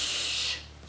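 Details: Lateral lisp demonstrated by someone who had a severe lisp as a child: lateral /s/ with air escaping along the cheeks, not the correct /s/.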